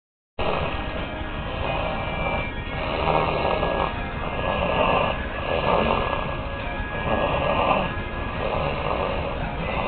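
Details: Woman asleep upside down in a recliner while sick, snoring: rough, noisy breaths recurring every two to three seconds over steady room hiss.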